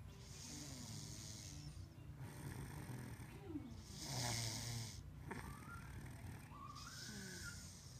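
Low rumbling breathing noises repeat over steady background noise. Snoring.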